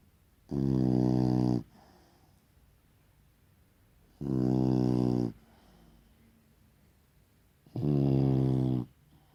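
Three low, buzzing snores with quiet pauses between, about 20 breaths a minute; ordinary snoring in a sleeping dog.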